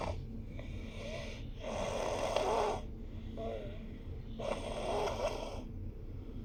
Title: It's Raining, It's Pouring, the Babies are Snoring